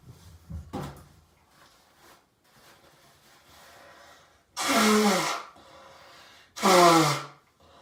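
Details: An adult in the morning: two loud, harsh, voiced bursts of forceful hawking and coughing to bring up phlegm, after softer noises in a quiet room; throat clearing and cough.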